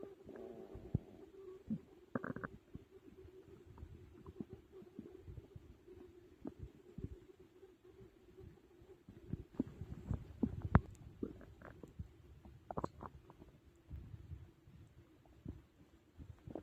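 Irregular gurgling and rumbling bowel sounds with quiet gaps; ordinary stomach growling after a large meal, a normal digestive sound.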